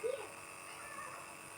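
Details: A young boy, coaxed to hold the mask at his nose, uses a compressor nebulizer: a steady, soft mechanical hum with a faint high hiss, briefly overlaid by the child's voice.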